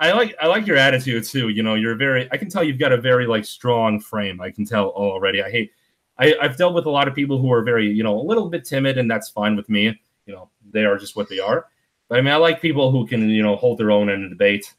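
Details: Adult man speaking; typical speech.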